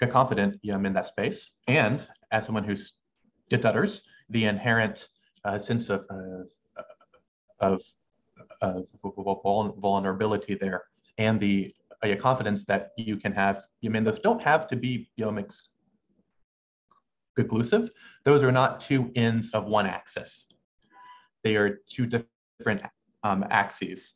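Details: Adult male medical student who has stuttered since about age six, with pauses in his speech he cannot control; stuttering.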